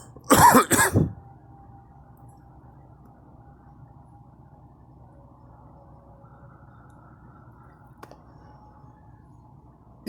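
Two quick, harsh coughs close together at the start, then quiet room noise with faint background sounds.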